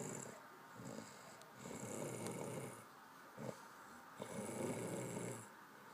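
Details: Soft, rough rattling snores on each breath in, about 23 a minute, with quiet room noise; snoring.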